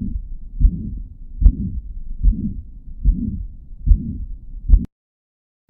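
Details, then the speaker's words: Mitral regurgitation recorded on a Thinklabs digital stethoscope: regular heartbeat near 73 a minute with a high-pitched, continuous whooshing pansystolic murmur filling all of systole between S1 and S2. "can hear that the murmur is present throughout the whole of systole between s1 and s2 and this is what we call a pansystolic murmur"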